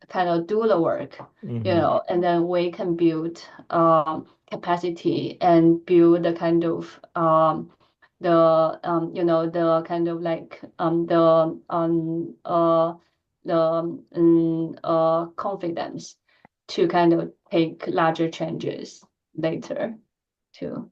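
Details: Adult woman who stutters, with repetitions and filled pauses, reporting physical tension when talking; stuttering.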